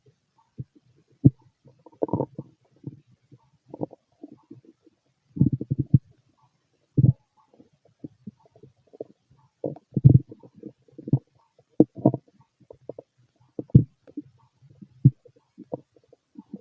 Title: Fit male stomach growling and digesting